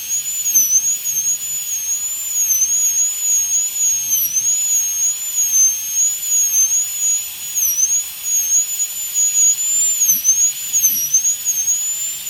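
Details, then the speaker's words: High-speed dental drill placing the functional cusp bevel at 45 degrees, mesial to distal, in a full metal crown preparation on tooth #46 in a phantom head: steady high-pitched whine with slightly wavering pitch. "So the functional cusp bevel when I am going to give is that from the side of the bulb, from medial to distal."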